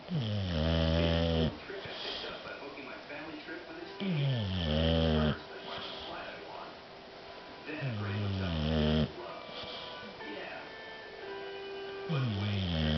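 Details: Loud, rumbling, vibrating snores with each breath in, about 16 a minute, quieter breaths out between them: a pet dog snoring.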